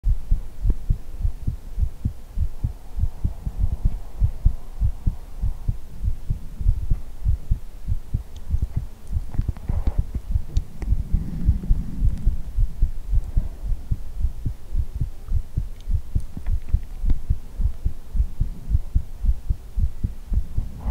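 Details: Heartbeat ASMR recorded close up: steady low thumping heartbeat at roughly 100 beats a minute with faint rustling, a normal heartbeat.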